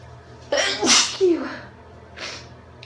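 A sharp sneeze burst with a brief breath before it, followed by a quieter exhalation; an ordinary sneeze.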